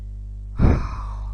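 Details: A single hollow, harsh breath sound over a low hum, with expiration as long as inspiration and a gap between them; bronchial breathing, normal over the trachea and abnormal elsewhere; bronchial breath sounds.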